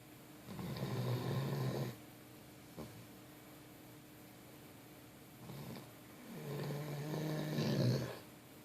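Two long, low, rumbling snores on the in-breath with quiet pauses between. Snoring in a sleeping dog.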